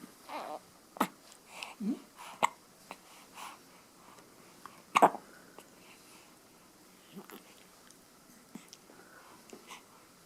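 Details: In a quiet setting, several brief, sudden catches of breath among small baby sounds, with the baby smiling afterwards; infant hiccups.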